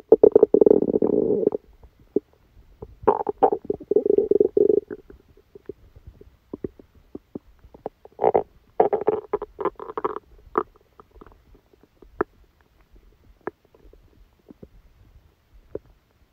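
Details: Stomachache after Christmas dinner, recorded while the person slept: long gurgling rumbles and croaky bubbling bursts, then scattered faint pops and clicks; active bowel sounds, stomach rumbling.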